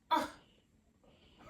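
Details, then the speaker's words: A single sharp, explosive sneeze, one of three in a row, followed by quiet room sound, with the sneezer's wife reacting; sneezing. "bless you bless you what's going on are you angry about that my in my house"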